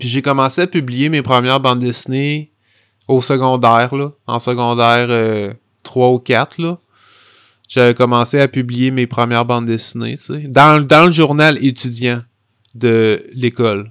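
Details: Stuttering in an adult French-speaking man who has stuttered since about age 5, with part-word and word repetitions audible; real, developmental stuttering.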